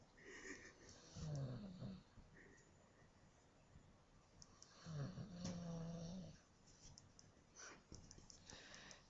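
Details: A sleeping dog gives soft, low, snorting snores with a faint whistle over quiet room noise; ordinary snoring during sleep.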